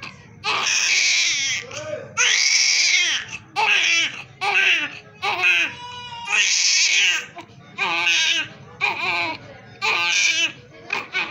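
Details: Loud, high-pitched crying in repeated bursts with brief breaths between, from a newborn immediately after birth.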